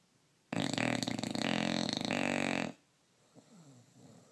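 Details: Bulldog snoring: one long, loud, fluttering, buzzing breath noise lasting about two seconds, a vibrating snore rather than a burp, then a quiet room.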